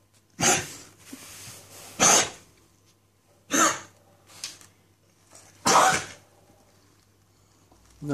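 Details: A female Husky with kennel cough, described as looking uncomfortable and being taken to the vet, gives about four harsh, dry, hacking coughs with quieter throaty bursts between them.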